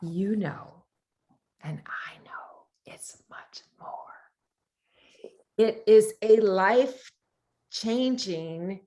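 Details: Aphasia in a man after a brain tumour; speech with fillers and hesitations.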